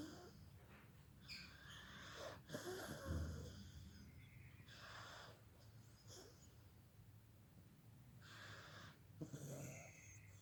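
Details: Sleeping baby snoring: soft, irregular noisy breaths with faint snoring and wheezy rattles.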